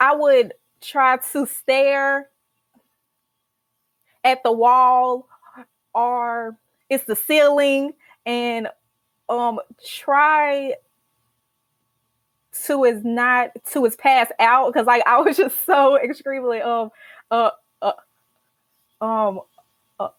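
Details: Stuttering in an adult woman, a senior college accounting student who stutters and began speech therapy in college.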